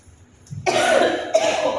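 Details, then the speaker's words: Adult woman with a fever, taking paracetamol and describing a severe cough: two harsh cough bursts, the second shortly after the first; cough. "না যাকে ভীষণ কাশি হচ্ছে এই জেলাটা কাশি ওষুধ কিনবো"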